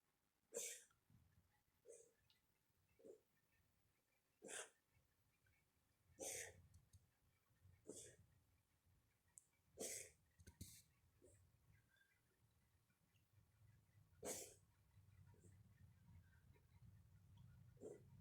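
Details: About nine short, sharp, dry bursts over eighteen seconds with low rumbling between them: a cat's coughing.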